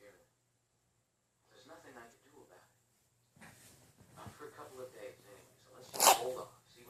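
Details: Cat does a big stretch, then, after soft room talk, gives a single sharp, hissing sneeze: sneezing.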